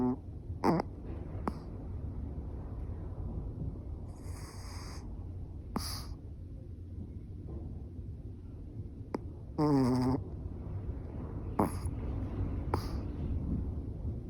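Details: Adopted older Chihuahua–Yorkie mix dog asleep with eyes half open: soft low snuffling snores in an intermittent rhythm, with squeaky nasal whistles and snorts over room hum; snoring.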